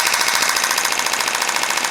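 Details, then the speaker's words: Fast, steady machine-gun-like clicking from a shockwave therapy handpiece with new, more localized penetrating head, low intensity, firing pulses on the elbow with gel in a tennis elbow demonstration; recipient says it does not hurt. "oooh that's definitely different mhm does not hurt it's just more localized I don't know how else to describe it other than localize"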